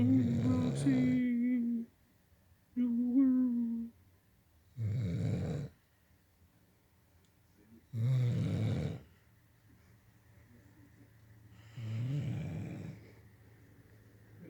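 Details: Blue Nose Pitbull (female) snoring while asleep at night: loud, partly whistling snores roughly every three seconds, separated by quiet pauses.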